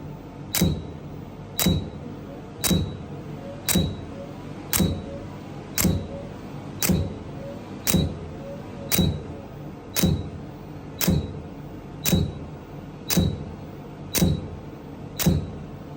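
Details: Laser hair removal treatment: sharp regular clicks about once a second, roughly 57 a minute, each with a brief tone as the device fires pulses.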